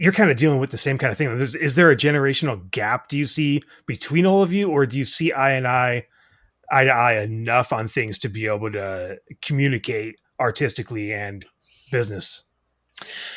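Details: Adult man; typical speech.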